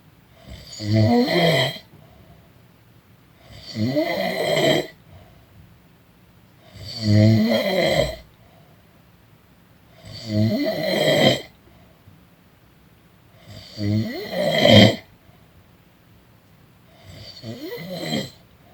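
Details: Person napping, snoring: steady, rumbling snores about every three seconds, around 18 breaths a minute, with quiet pauses between.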